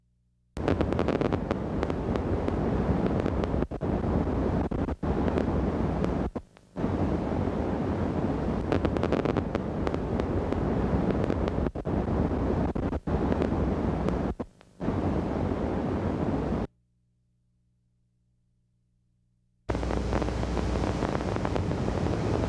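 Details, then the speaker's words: Needle EMG with a continuous seashell-like hiss of end plate noise and irregular brief spikes sputtering like fat in a frying pan: normal end plate noise and end plate spikes (nerve potentials). "End plate spikes nerve potential are irregularly firing brief spikes with a sound like the sputtering of fat in a frying pan originating from the nerve endings. Watch and listen to the inplate potentials and inplate spikes or nerve potentials."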